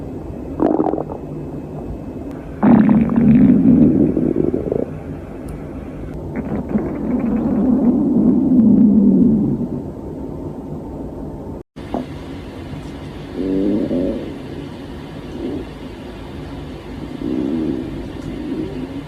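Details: Hungry young woman's stomach: gurgling, rumbling and squeaky growls in irregular bursts; typical hunger-related gut noises (borborygmi).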